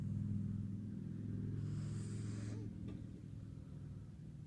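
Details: Snoring that began only a few years ago: a low, steady rattling drone lasting a few seconds on an in-breath, then fading into quiet breathing.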